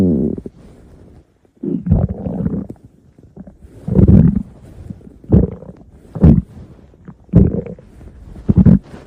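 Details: Stomach growling: loud, repeated low growls and gurgles every second or two from the belly; borborygmi.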